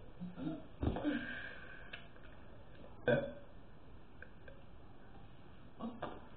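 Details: Person deliberately burping in the afternoon, around 4 o'clock, wanting to burp a lot: several deep, rumbling burps of varying length against steady background hiss; ordinary belching.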